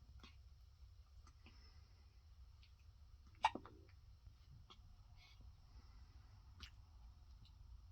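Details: 9-day-old newborn girl waking up with hiccups: one sharp, abrupt catch and a few fainter clicks in a quiet room.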